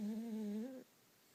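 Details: A single steady, hum-like whistling snore from a sleeping dog, lasting under a second before fading to quiet; snoring.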